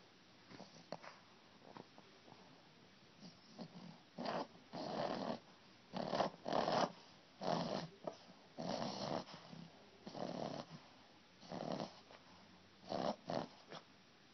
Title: My dog snoring!